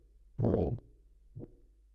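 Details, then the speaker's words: Loud, harsh rushing heart sound followed by a softer beat, played in a cardiology history lecture as a murmur diagnosable by ear that suggests an aortic valve problem; aortic stenosis murmur. "esas por lo que se llaman soplo porque recuerdo un poco cuando uno sopla dentro del todo es ese sonido sería una forma de diagnosticar simplemente con el oído"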